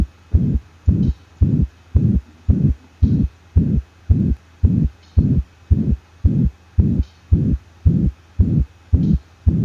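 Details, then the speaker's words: Dog with mitral regurgitation and sinus arrhythmia: band-shaped, even-toned whooshing holosystolic regurgitant murmur, about 110/min. "systolic heart murmurs can be divided into regurgitant quality murmurs which are band shaped murmurs they're also called holosystolic murmurs and they have a relatively even tone throughout systole"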